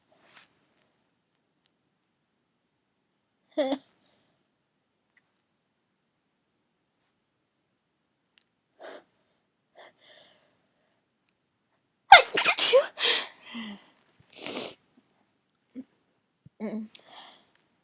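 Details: Adult sneezing while drunk, induced with a clothes tag, nose still tickling: quiet hitching breaths and a false start, then a burst of several quick sneezes and softer follow-up sneezes.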